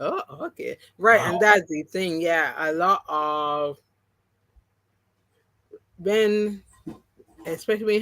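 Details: Aphasia, post-stroke and partially recovered, in an adult woman who had three strokes (2017, 2018, 2019). The first was haemorrhagic, causing loss of speech and right-sided paralysis. She regained speech, but some words will never come back.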